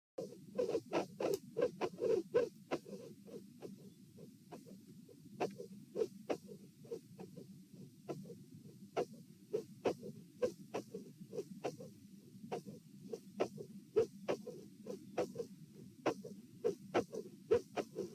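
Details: Heart sounds recorded at position A during an auscultation stress test (lying, sitting, standing) in dilated aortic root: sharp, very loud mid/late systolic click near 67/min over steady hum, with murmur at S2; aortic vascular click.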